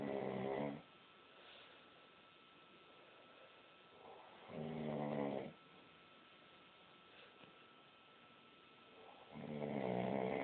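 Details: Man snoring: three loud rattling snores about every four and a half seconds, roughly 13 a minute, with quiet breathing between; snoring.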